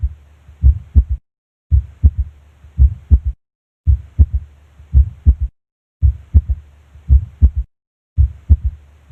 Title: THIRD HEART SOUND, S3 – APEX [PHYSIOLOGICAL] | HEART SOUNDS | AUSCULTATION | MURMUR